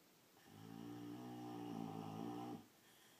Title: Boxer (Nina) snoring like a man!!!!